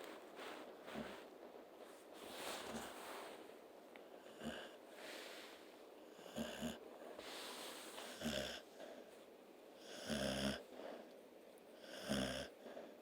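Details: Snoring dog and kitten: irregular snorting, wheezy breaths with short rattling snores, about 30 a minute, from small sleeping animals; snoring.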